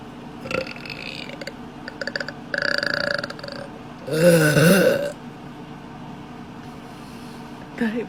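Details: Deliberate burping from a burp compilation: several gurgling, rumbling bursts with one long, loud belch among shorter ones, over background room noise.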